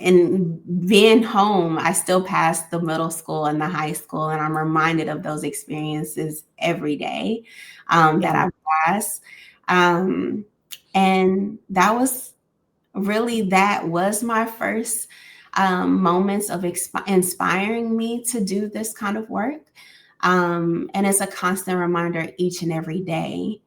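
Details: Adult woman speaking; ordinary speech.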